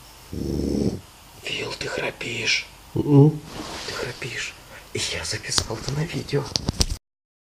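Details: Heavy snoring by a man: loud, rough, rattling breath sounds in irregular bursts with snorting.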